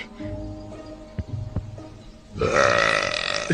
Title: Male burps in TV series and movies.